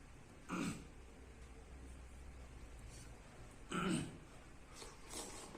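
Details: Adult man with Tourette syndrome: brief, abrupt throat-clearing sounds repeating a few seconds apart; vocal throat clearing tic.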